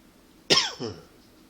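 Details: A single short, dry cough with a brief throaty tail and no mucus rattle, from a persistent throat tickle that the person attributes to allergies and partly to smoking.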